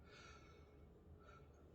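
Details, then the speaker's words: 32-year-old man, stethoscope auscultation of the chest during a nursing respiratory assessment, taking breaths in and out on cue: soft, smooth inhale and exhale with no rhonchi, crackles or wheezes; clear, normal breath sounds. "His breath sounds are clear. I don't hear any bronchi, crackles, or wheezes."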